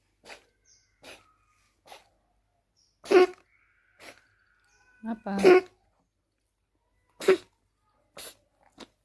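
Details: A cat coughing: repeated short, harsh hacking bursts, a few stronger ones in the middle.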